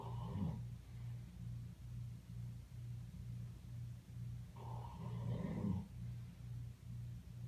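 Low, rumbling snoring with a steady throbbing vibration and two louder snorting breaths, from a sleeping animal.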